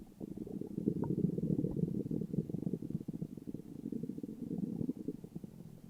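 Sustained low, rolling gurgle with fluttering bubbles: a long bout of ordinary stomach growling as gas and fluid move through the gut.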